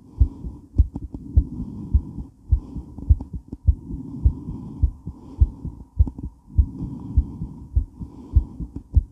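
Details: Female heart during and after weight training, recorded while moving: fast, strong, regular heartbeat about 100 a minute with movement noise and heavy breathing; exercise tachycardia.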